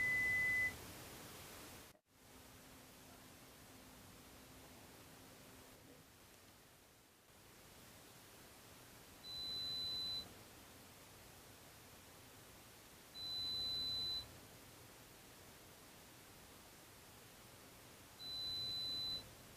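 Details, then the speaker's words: Three brief steady high-pitched beeps at irregular intervals over room hiss: pure-tone air conduction audiometry on an adult, intensity raised in 5 dB steps until response, threshold set at two of three ascending presentations. "the intensity level is increased in five decibel increments until a response is obtained this is repeated until the client has responded to two out of three ascending presentations"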